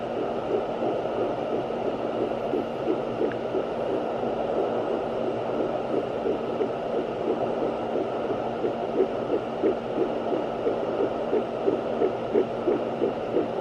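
Fast, regular whooshing pulses over steady static, a fetal heartbeat picked up by Doppler at roughly 160 a minute.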